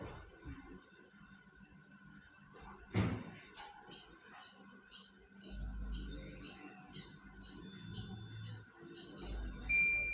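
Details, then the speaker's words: Dental X-ray unit during exposure, patient biting on a bite stick with eyes closed; a sharp click, then a run of high, steady electronic beeps, with faint room hum underneath. "Zatvorte oči vás poprosím. A pokiaľ to bude pípať, majte oči zatvorené."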